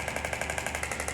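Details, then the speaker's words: Radial shockwave (EPAT/RPW) Atlas applicator firing, rapid even taps about twelve per second, during a treatment demonstration. "we're still getting radial pressure waves internet as we go over the median nerve we're definitely working over that carpal tunnel"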